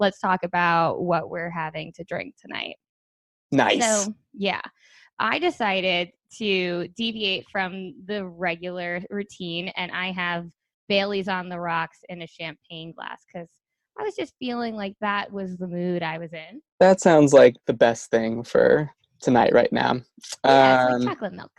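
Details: Adult women in conversation, podcast recording; normal conversational speech.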